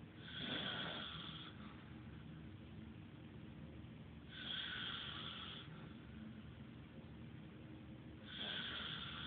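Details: Snoring from a man: slow, regular snoring with a rasping breath about every four seconds, roughly 15 breaths a minute, over steady room noise.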